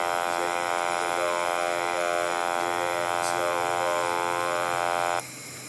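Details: Electrolarynx speech from an ICU patient after a fall that ruptured spinal discs, talking by phone: a steady mechanical buzz on one fixed pitch, shaped into words.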